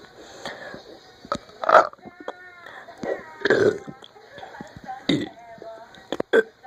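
Several loud, drawn-out voiced belches in a row, with quieter sounds between them; repeated burping.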